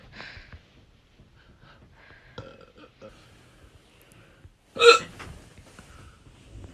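Quiet breathy sounds, then one abrupt loud voiced gulp: a hiccup.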